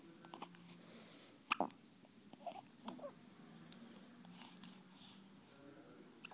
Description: My boys first hiccup attack